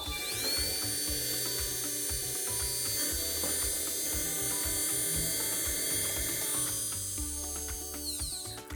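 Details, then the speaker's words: A wider second dental implant drill widening and deepening the implant site in a model, with the water off: a steady high-pitched motor whine with rhythmic low chattering and background music. "조금 더 넓은 드릴을 이용해서 임플란트를 식립해 볼 건데요 위치를 이용해서 다음 드릴을"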